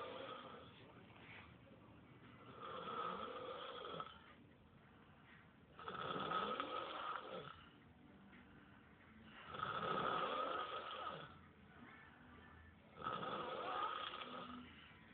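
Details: Two sleepers snoring: four loud, rough snores over fifteen seconds, about 16 a minute, each on the in-breath with quieter gaps.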